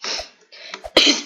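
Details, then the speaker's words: Cough from a person who says they have a cough and a cold (runny nose): a few quick throaty coughs ending in a sharper burst. "Maaf ya, agak batuk sama belek."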